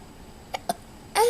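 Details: 2-year-old girl with hiccups while describing her Disneyland birthday trip: two short, sharp voiced hiccups about a tenth of a second apart in a quiet room, then she starts to speak.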